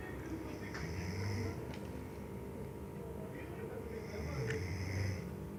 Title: What a Deep Snoring Sound! Mr.